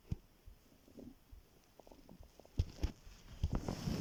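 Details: Soft, irregular low gurgles and bubbling rumbles over quiet room noise while lying on the stomach; stomach growling.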